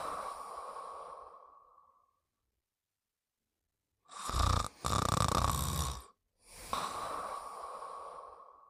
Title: Fafa with the Peanuts Gang: Buddy Sleeping & Snoring Part 4